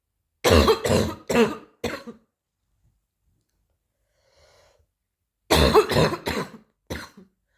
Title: new cough 2